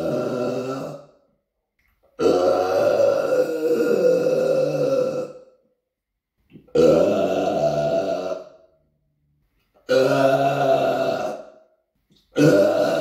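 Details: Deliberate burping recorded on a Samsung Galaxy S9 phone in a small apartment room: several long, loud, drawn-out belches, each lasting a few seconds, separated by short silences.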